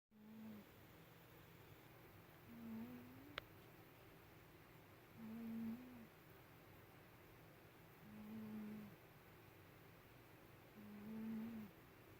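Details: Pet cat snoring while asleep: soft, regular low-pitched snores, about 21 per minute, in a quiet room, until owner wakes the cat; ordinary snoring.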